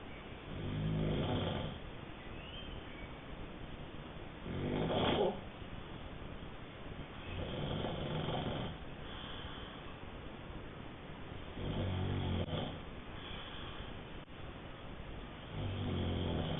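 Deep, rattling snores on each breath in, about 15 a minute, with quieter breathing between.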